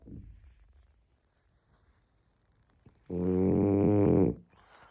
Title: I love her cute snoring 😴 💤 My sleeping dog Ariva